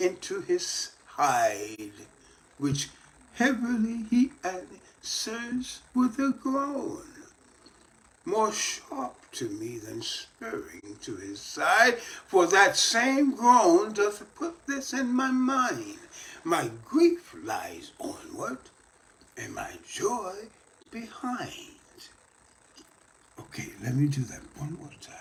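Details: Post-stroke speech in an adult man, reading a Shakespeare sonnet aloud as daily voice therapy practice.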